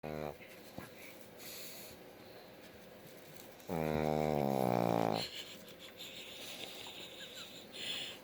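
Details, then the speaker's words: Dog Thor snoring, possibly asleep with eyes open: a long, rough, buzzing breath sound over quiet room noise, with brief sniffs around it. "I don't know if he's asleep with his eyes open because he sounds like he's snoring."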